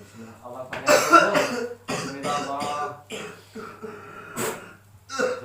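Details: Persistent cough that will not heal, with dizziness and back pain radiating to the chest, during a ruqyah session attributing it to jinn; several harsh, throaty cough and throat-clearing bursts mixed with voiced sounds.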